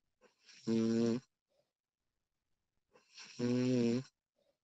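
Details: Two long, buzzy, rattling snores on breathing in, separated by quiet breathing out, from a sleeping woman recorded during sleep; ordinary snoring.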